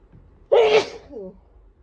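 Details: A week of naturally occurring sneezes self-recorded by a person describing their sneeze as rather aggressive: a single sharp sneeze with a brief intake before it and a short trailing sound after, against faint room noise; sneezing.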